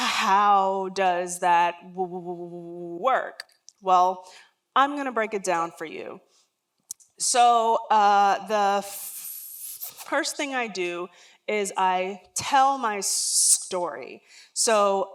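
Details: Adult woman, a lifelong stutterer, speaking during a talk; real, not acted: stuttering.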